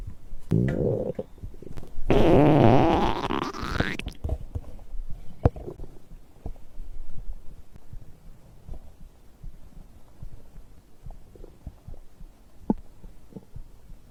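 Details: Abdominal digestion sounds recorded after drinking a beverage: loud gurgling rumble with a rising squeal, then scattered soft gurgles and pops; ordinary bowel sounds, stomach growling.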